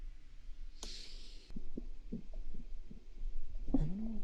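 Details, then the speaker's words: Hungry person holds the microphone against the stomach: low gurgling rumbles and bubbling pops; ordinary hunger-related stomach growling (borborygmi). "That's called stomach growling. Does your stomach not growl? Does your stomach not growl when you're hungry?"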